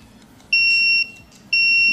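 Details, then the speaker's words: Homemade Arduino pulse oximeter (MAX30100 finger sensor, LCD) reading a fingertip: repeated loud, steady high electronic buzzer tones, triggered because heart rate reads above 100. "it is starting reading the value of my finger so it will calculate heart rate and SP2 level so it will show on LCD you can see and it is more than 100 so so it will trigger The"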